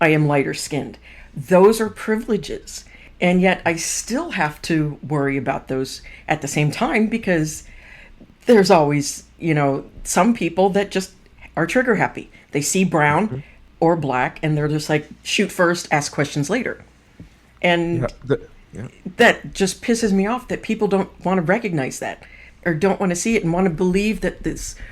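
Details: Adult speaker; typical speech.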